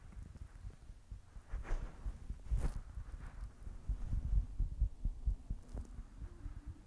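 Muffled, low thumping heartbeats over handling noise. A normal heartbeat.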